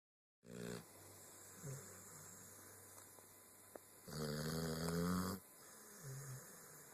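Two rough, rumbling breath sounds in about seven seconds, one long and loud, with a steady hum in the room: snoring.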